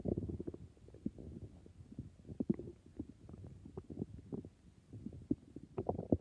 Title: I think my stomach is being very noises